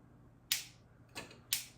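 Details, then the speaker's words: Three sharp, crisp clicks about half a second apart against a quiet background: shockwave pulses from a Shockwave C2 intravascular lithotripsy balloon at 4 atm in a wet bench demonstration, after green light and two beeps. "Lights green. You heard the two beeps. Go ahead and start treating"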